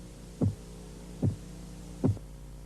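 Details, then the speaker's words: Korotkoff sounds phase 3 during blood pressure measurement: the murmur of phase 2 disappears and the tapping becomes louder and higher-pitched; three crisp, loud taps at a steady pace over a low hum. "durante la fase korotkov 3 el murmullo desaparece y el sonido de los golpeteos se hace más fuerte y de un tono más alto"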